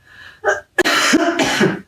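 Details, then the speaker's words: Deliberate demonstration cough into the elbow while teaching droplet precautions: a short throat clearing, then a brief cough muffled into the elbow. "okay so one of the things that recommended is that we cough into our elbow because if he's cough in our hand it still can spray out and go all over the place.""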